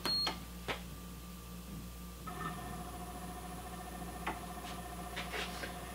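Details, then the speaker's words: Philips Respironics SimplyGo 2 L/min portable oxygen concentrator with fully charged battery, power button pressed twice: button clicks and short beeps, then a steady electronic tone and low hum as it powers on. "we dropped the battery into the slot in order to power on the machine we press the power button once twice the unit will now come on"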